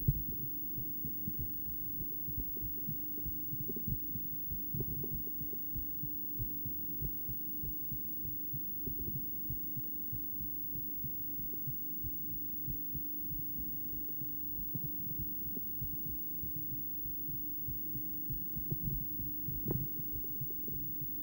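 Low, pulsing heart sounds from an ultrasound Doppler, over a steady electronic hum.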